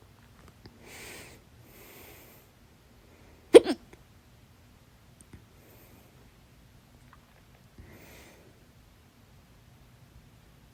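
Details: A single sharp, loud, abrupt hiccup against a quiet room with softer breaths around it; fast hiccups on waking at 5:43 a.m., which the person attributes to a lot of salad and its juice the day before.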